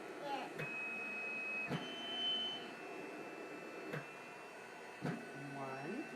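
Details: Mechanical cough assist (insufflation-exsufflation) device used by a girl: a steady machine whoosh broken by sharp switching clicks between push and pull phases, with counting and praise.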